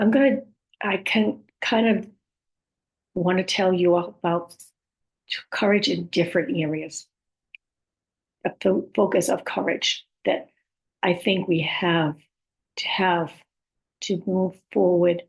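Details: Woman with communication challenges after a stroke, her speech sometimes hard to understand; aphasia with apraxia of speech and dysarthria.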